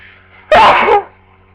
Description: I've had the flu for 2 days and it's only now I've gotten sneezy so enjoy